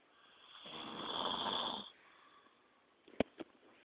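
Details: One long, harsh, rattling snore on an in-breath, then quiet and two brief clicks; snoring.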